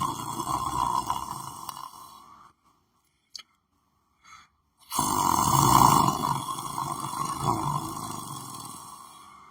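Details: Person lying on the floor of his room, asleep: loud, rough, rattling breathing noise that stops for a couple of seconds, then resumes strongly. Snoring.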